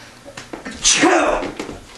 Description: Tourettes guy has a sneezing attack.